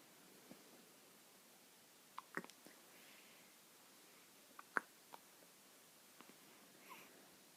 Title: Newborn hiccups.